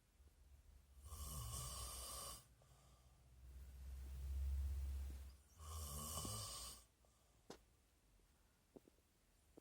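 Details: An adult man snoring in his sleep: rhythmic rattling snores on breathing in, alternating with low, rumbling breaths out, at a slow sleeping pace.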